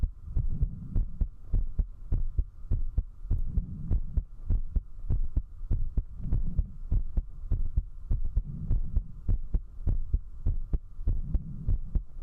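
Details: Heartbeat of a female Vtuber while drinking alcohol, recorded at zero distance with a 3Dio binaural microphone: strong, regular thumps at about 100 beats a minute over a steady hum. Fast heartbeat.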